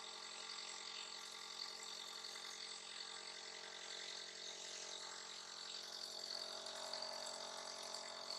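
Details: Continuous buzzing hum with a faint fast rattle from a nebulizer motor giving a breathing treatment to a little one who coughs and sneezes; nebulizer running.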